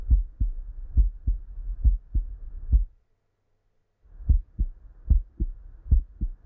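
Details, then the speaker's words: Stethoscope over the heart of a young adult male in a simulated OSCE cardiovascular examination: regular low heartbeat about 70–75 a minute, clear first and second sounds, no added sounds: normal heart sounds. "on oscilation heart sounds one and two were present with no added sounds and breath sounds were normal"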